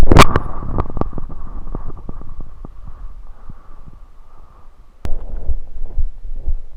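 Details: Adult's bowel sounds recorded on the belly after drinking soda, lying on the left side: low rumbles, pops and clicking gurgles of ordinary digestion.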